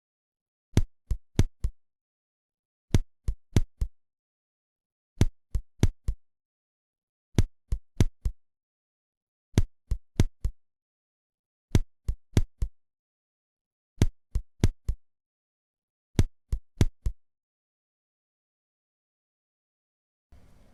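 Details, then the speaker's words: Simulated auscultation of ventricular bigeminy, every second beat an extrasystole: heart sounds in regular pairs, each pair followed by a pause. "давайте послушаем их по очереди Итак бигеминия"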